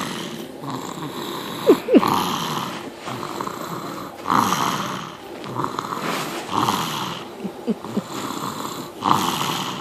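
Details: 7-month-old young dog snoring while asleep: rough, rattly breathing noise repeating with each breath at about 14 cycles a minute.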